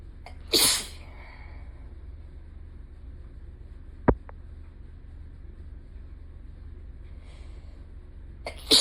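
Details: Two sharp sneezes, one at the start and one at the end, that the person feels change from beginning to end; quiet room, brief click between.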